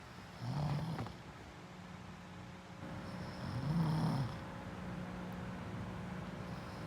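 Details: Sleeping dog snoring: two low, rough snoring breaths with a steady low hum between them, about 19 per minute.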